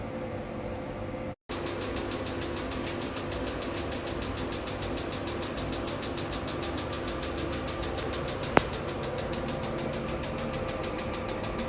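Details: Steady machine hum with rapid, even pulsing and a brief gap: a 2-in-1 pico and 808 diode laser handpiece firing during hair removal.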